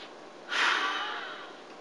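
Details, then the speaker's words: Simulated patient in a respiratory therapy training demonstration before MDI instruction: one sharp forceful breath blown into a peak flow meter mouthpiece after a deep breath in, fading over about a second. "take a nice deep breath in I want you to put your mouth around that mouthpiece and explode that around well that was excellent"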